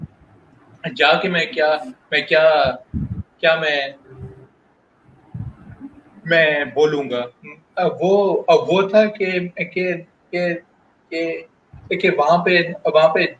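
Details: Adult male working professional who stutters, speaking spontaneously in Hindi/Urdu in a real interview, with audible word repetitions; stuttering.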